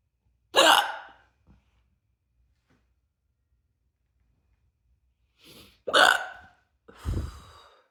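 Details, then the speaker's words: Three sharp, abrupt hiccups with a sudden voiced catch, the last two close together, separated by quiet pauses, in an adult with an ongoing hiccup bout that began after a burp. "they're really hitting hard and deep tonight I don't know how long how much longer I'm going to be able to to keep this up"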